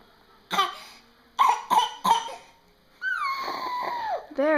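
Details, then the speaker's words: Young child's voluntary fake cough: four short, voiced, deliberate coughs, then a gliding squeal, done playfully at night, not illness. "you've been fake coughing all night. I think we should take you to the doctor about that fake cough."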